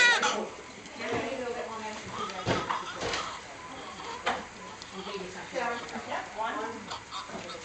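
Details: Newborn son's first crying just after the cord is cut at birth: short, bleating cry bursts with soft room noise.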